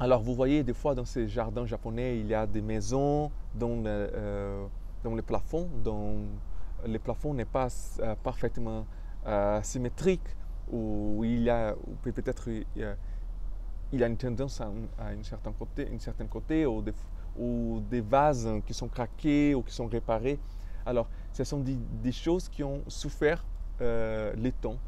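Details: Adult male French speaker with stuttering, which he describes as having blocked him from expressing himself fully.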